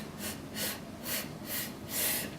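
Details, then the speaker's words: Sniff-sniff cough technique for patients after abdominal or heart surgery or with respiratory disease: about five to six rapid, hissy nasal sniffs toward the head, the sniffing phase before an airway-clearance cough. "some more is the six tips cough you're going to have your patient to sip real fast six times to the head that's going to make them pretty much half the call"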